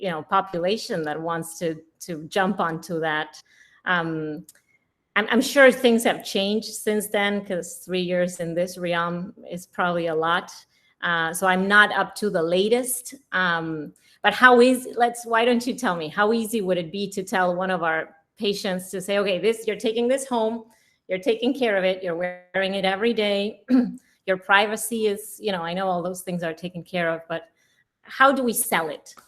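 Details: Adult woman speaking; normal speech.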